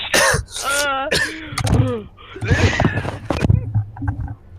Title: has a coughing fit and has a laughing fit